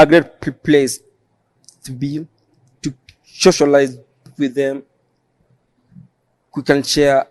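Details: Adult male who stammers, self-described as neurological and present since birth; stuttering.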